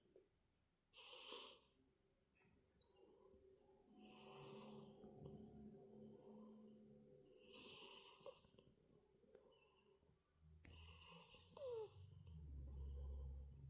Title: Sometimes SMOKEY is Snoring. He is big #cat #cute #catsnkittens